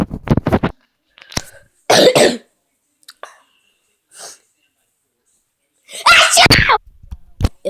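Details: Two sudden, forceful, noisy sneezes, each after a short voiced lead-in, from an adult demonstrating how they sneeze.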